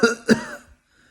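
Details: Two quick, harsh cough bursts close together, then quiet; an acted cough performed for comedy.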